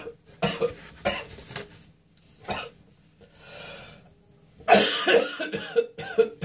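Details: An adult with a throat infection gives a run of harsh, dry, tickly coughs with gagging and spitting between; harsh cough with throat infection.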